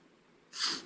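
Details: Woman trying to make herself sneeze, with eyes and nose watering, gives a brief, airy, partly stifled sneeze burst after a quiet moment. Sneeze.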